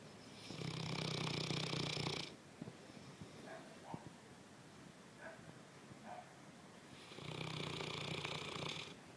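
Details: Two long, rough, fluttering snores several seconds apart with quiet breathing between; ordinary sleep snoring.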